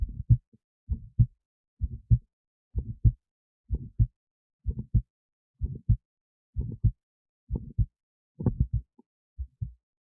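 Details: Own heartbeat recorded with an esophageal stethoscope resting near the heart, alongside an EKG: steady paired low thumps at about 64 beats a minute; first and second heart sounds.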